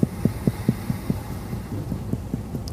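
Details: Splenic percussion during a demonstrated head-to-toe physical exam on an adult male patient, after he takes a deep breath in and out; negative splenic percussion sign.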